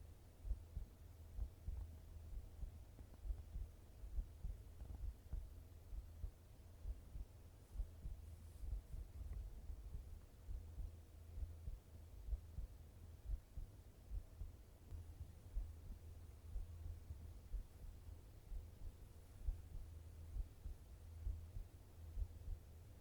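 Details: Normal heart sounds: steady, muffled low thumps of a heartbeat at about 66 beats a minute over a soft hum.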